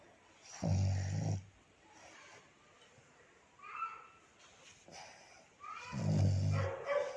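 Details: Sleeping black pug dog snoring beside its owner: deep, rumbling snores in slow breaths, with softer snorting sounds between them; snoring in a flat-faced dog.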